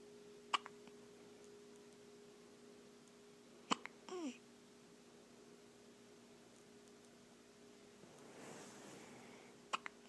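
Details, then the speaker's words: Baby girl with hiccups: three brief, sharp, chirpy hiccups about three seconds apart, with a soft vocal sound between, over steady room hum; hiccups. "How cute are those? Little chirpy hiccups."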